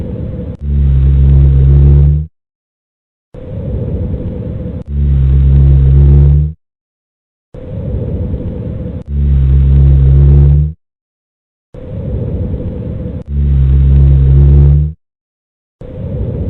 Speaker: Strider. You are listening to Strider.